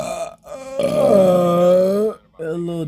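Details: Belching: a long, loud, low-pitched voiced belch lasting over a second, with shorter belches before and after.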